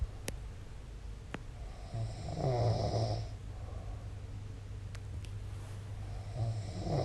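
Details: A man snoring in his sleep: low rattling snores, loud and rough on the in-breath, with faint room noise.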